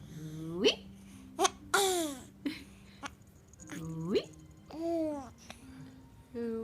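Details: Baby laughing and hiccuping: giggles and babbling broken by sudden sharp catching sounds in the voice, infant hiccups.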